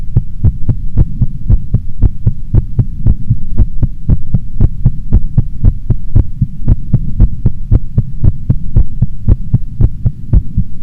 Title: Female Heartbeat Sound Before Sleep - Long File